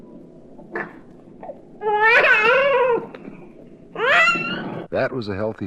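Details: Infant vocalizing, from a 1967 recording of baby sounds.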